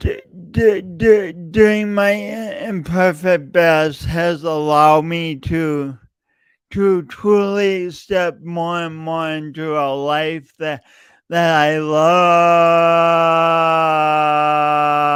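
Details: Adult male podcast host with a long-standing speech impediment he denied for years, present every time he speaks; repeated words throughout; stuttering.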